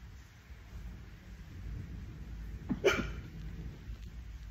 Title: Bad Hiccups